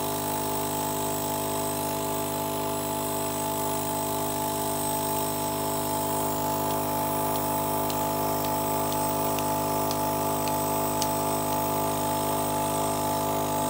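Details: Steady, loud motor hum and rattle of a nebulizer compressor running without a break during a breathing treatment for asthma.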